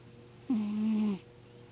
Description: Dave the cat snores...